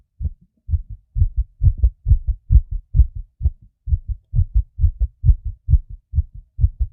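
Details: Person's own fast heartbeat (tachycardia).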